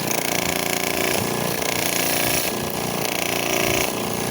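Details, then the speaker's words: AirSep Intensity 10 oxygen concentrator with its air outlet blocked: loud, harsh, rattling mechanical knocking over steady motor noise; abnormal compressor noise from something inside. "no aquí acá el golpeteo aquí hay algo dentro el cual vamos a investigar muy bien"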